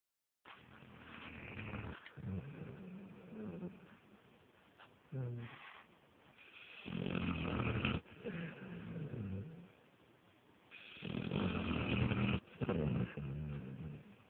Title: My puppy snores